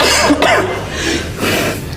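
A loud, harsh, exaggerated cough with a throaty rasp, performed as a comedy act; not a genuine cough.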